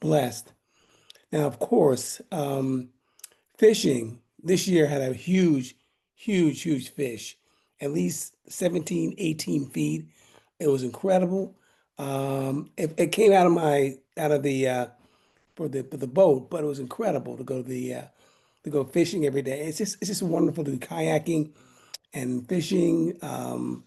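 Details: Aphasia following a stroke in 2016, in a man attending aphasia camp.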